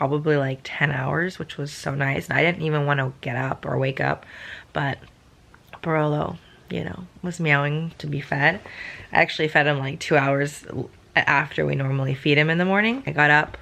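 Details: Adult woman on day two after testing positive for COVID-19 and day four of symptoms, with throat pain, headache and cough, having taken Tylenol PM the night before; voice really deep; deepened, slightly rough voice with viral upper respiratory infection.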